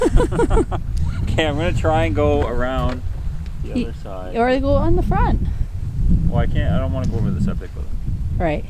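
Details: Adult speaker outdoors; normal voice.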